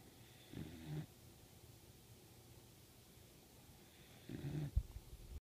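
Two short, low rattling snores a few seconds apart, the second ending in a snort: snoring from a sleeping puppy.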